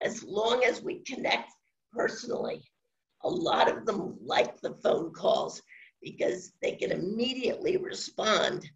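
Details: Adult woman with spasmodic dysphonia, no cure, onset around 2010 and progressively worsening; awaiting a postponed Botox injection; scratchy voice; finding: spasmodic dysphonia.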